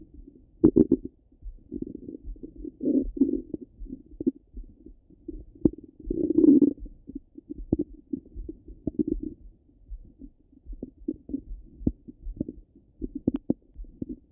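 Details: Stomach rumbling from a half-hour recording: frequent low gurgles and rumbles with clicks and brief louder bursts, active bowel sounds.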